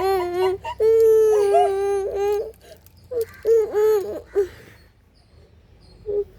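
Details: A young child with a bleeding leg wound cries in loud, high-pitched wailing bursts while medicine is put on it, pausing for breath, then quiets to a short whimper; child crying.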